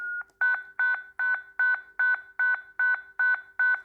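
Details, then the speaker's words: ZOLL M2 defibrillator in manual defib mode charging for a repeat biphasic shock (120 J, option 150–200 J) during CPR: rapid, regular electronic beeps about 150 a minute, the charging tone before a shock. "should I need to shock the patient again I can shock them again at 120 or if the clinician requests you can increase the charge to 150 joules"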